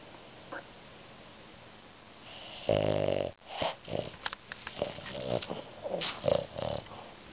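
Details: French Bulldog snoring while lying between the owner's father's legs, eyes open and relaxed: irregular snorting, rattling snores and snuffles with low room noise.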